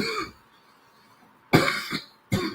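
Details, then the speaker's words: An adult with a sore throat, coughing after sleeping under air conditioning: a brief throat-clear, then two short, rough cough bursts in a quiet room; cough. "a little cough and shit, a little sore throat and shit. Sleeping under the air and shit. So I've been coughing and shit."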